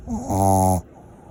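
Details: Small mixed Shih Tzu dog, possibly dreaming: one loud, brief buzzing snore under a second with a steady vibrating tone; snoring.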